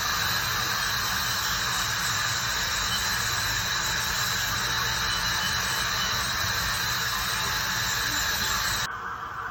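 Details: Ultrasonic scaler used by a dental hygienist to remove tartar and plaque in a teeth cleaning for sensitive teeth: a steady high-pitched hissing whine with water spray.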